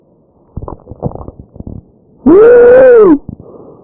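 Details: Tracheal stridor in a real patient: soft irregular sounds, then a loud, high-pitched musical tone on one breath, from a narrowed large airway.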